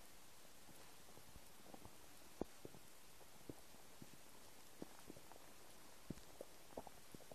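Soft scattered gurgles and pops over a quiet background: bowel sounds, ordinary stomach rumbling from an empty stomach.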